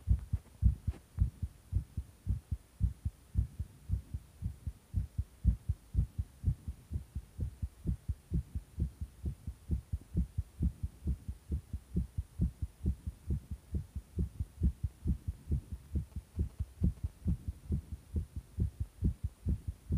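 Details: Pounding heartbeat: strong, deep, thumping beats repeating steadily against a low hum.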